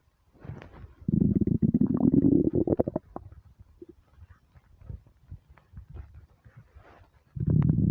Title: starving stomach rumbles